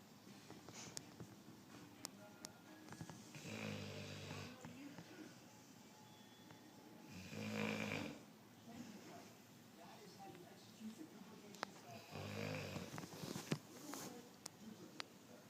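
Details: A sleeping 15-week-old Cane Corso/mastiff cross puppy snoring: soft, rough snores roughly every four seconds over quiet room noise and faint music.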